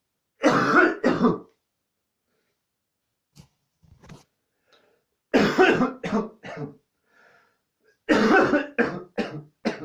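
Repeated clusters of harsh coughs and throat clearing with quiet gaps between, a prolonged coughing fit.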